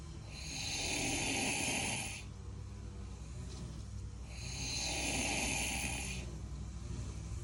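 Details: Very loud snoring from a sleeping person who is known to be able to sleep anywhere.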